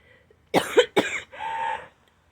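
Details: Adult woman about a month into recovery from pneumonia of the left lower lobe, with lungs clear at follow-up: two sharp, loose coughs, then a drawn-out voiced exhale; a lingering, stubborn post-pneumonia cough.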